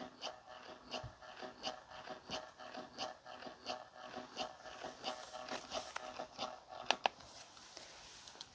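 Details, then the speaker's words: Willow wearable breast pump in stimulation mode: rapid rhythmic mechanical pulsing, about 88 cycles a minute; it gets quieter in expression mode with slower movement. "now for sound the willow pump this is the noise and stimulation it does get a lot quieter once it goes into a expression because it does a lot slower movement but i'll just let you hear that"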